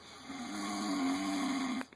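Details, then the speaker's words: A sleeping male (human) dozing on a couch, snoring: one drawn-out, buzzing snoring breath lasting under two seconds, then quiet. Snoring. "that is a human that is a human being sounds like [ __ ] a losing cat like a [ __ ] baby walrus trying to get out of the uterus or something"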